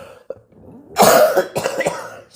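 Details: An adult gives a harsh, two-part cough with throat clearing in a quiet room, mid-speech, followed by an apology; cough.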